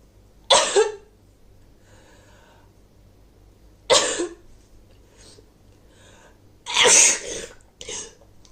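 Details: Three forceful, wet, explosive sneezes a few seconds apart, then a softer one, from a woman coming down with a cold; repeated sneezing.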